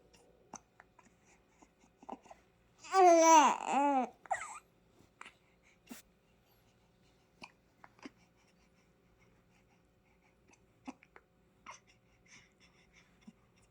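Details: A newborn with hiccups after a diaper change, who also sneezed, gives a brief wavering fussy cry of about a second, then small breathy noises: ordinary infant fussing.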